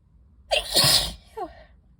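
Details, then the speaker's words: Sneezing fit induced by inhaling dust from books, eyes streaming, in a person with pollen allergy parked in a car: a sharp inhaled gasp, one forceful sneeze, then a brief vocal sound. "oh I feel like it's kind of slowing down maybe as soon as I'm about to sneeze again anyways wow that's tickly whoa and again let me sneeze again"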